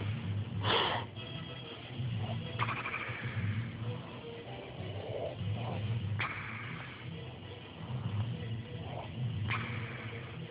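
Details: Loud snorting snores about every three seconds, likened to a turbo blow-off valve, from a father asleep while watching a movie, with film sound in the background.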